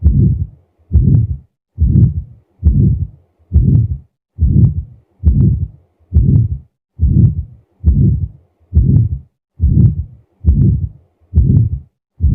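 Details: Aortic stenosis murmur heard at the right base on auscultation.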